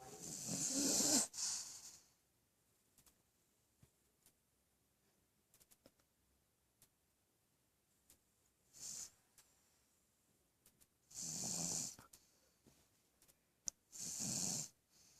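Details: Light snoring recorded on November 9, 2013: hissy, breathy snores recurring with quiet gaps and faint clicks between.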